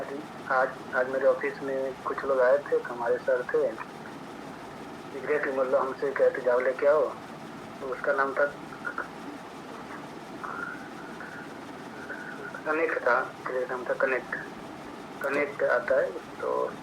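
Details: Stammering in an adult man, speaking Hindi, with word repetitions and blocks.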